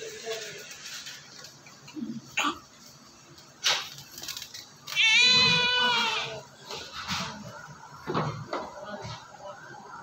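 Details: Newborn born with much amniotic fluid and secretions, receiving oxygen and airway suction: one clear cry lasting about a second amid gurgling, suction noise and quiet voices; newborn cry after airway clearing.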